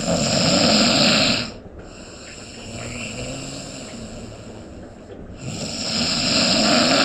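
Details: Adult snoring from a sound-effect recording: loud, rough rattling breath sounds on inhalation, pausing briefly between breaths, then returning.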